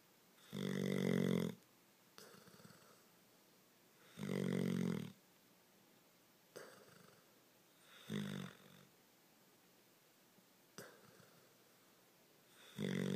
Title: Bear snoring